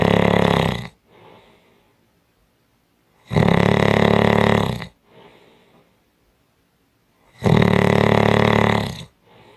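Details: Strong snoring: loud, harsh snores on each in-breath, each followed by a soft breath out, about three breaths in ten seconds; loud snoring.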